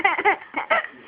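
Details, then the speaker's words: A mother has painful hiccups while her young child laughs at them; several short, abrupt voiced gulps in quick succession; hiccups. "Why are you laughing at Mommy's hiccups? They hurt me."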